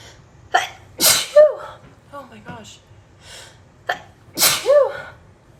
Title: Sneezing fit | My allergies have been really bad this summer